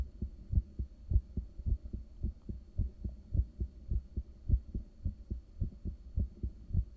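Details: Steady, strong, regular low thumping heartbeat with a faint hum, recorded with a home ultrasound device at rest in the early morning after waking, caffeine and morning medication: resting heartbeat, not too high a rate.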